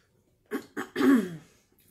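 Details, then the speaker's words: Deliberate throat clearing and cough by an adult with allergies, done on purpose to clear the lungs: two short throat-clearing grunts, then a longer rough cough. "do some clearing of throats and coughing to clear out the lungs."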